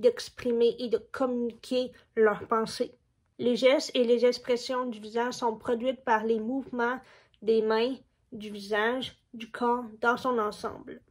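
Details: Deaf speech from a woman with profound deafness who hears nothing at all, diagnosed at 14 months; hearing aids did not help, and she did not speak at first but began speaking later.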